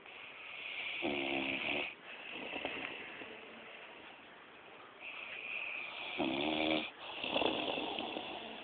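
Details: Bodybuilder snoring: two loud, rattling snores about five seconds apart, with hissy breathing between them.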